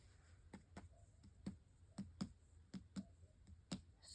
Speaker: So, I'm going to start down here and I'm going to first hear tympany and then I'm going to move up until I hear dull, which is that then going to be your liver.